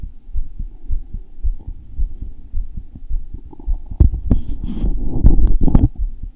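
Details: Adult male recording his own heart when it felt thumpy, heart rate checked midway with an Apple Watch ECG app: rapid, deep, heavy thumping with rubbing noise toward the end, a forceful pounding heartbeat.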